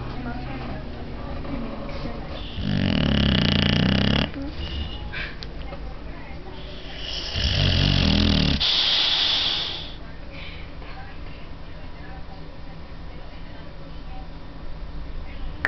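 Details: A sleeping Boxer dog gives two long, loud rattling snores several seconds apart over steady background noise; snoring.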